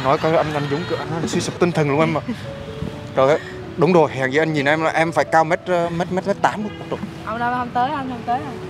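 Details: Young man acting as a stutterer in a prank, speaking with repetitions while asking a question: stuttering (acted).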